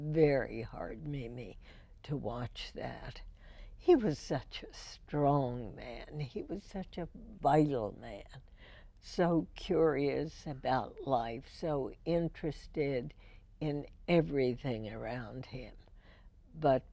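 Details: Woman, a longtime radio host, with spasmodic dysphonia first diagnosed in 1998, treated every four months with botulinum toxin injections into the vocal cords; spasmodic dysphonia.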